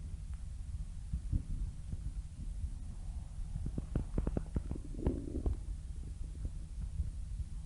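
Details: Stomach growling (borborygmi): low gurgling rumble with a brief run of bubbly pops over steady background hiss.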